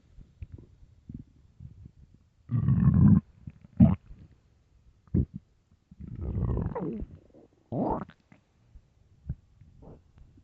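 Several low rumbling gurgles with quiet gaps between them; stomach growling from an empty, hungry stomach.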